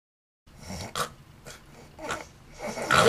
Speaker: this is what 18 million Americans sound like in their sleep they are sufferers of obstructive sleep apnea and the sounds they make signal a condition in which their breathing repeatedly stops for seconds at a time and leaves them gasping for breath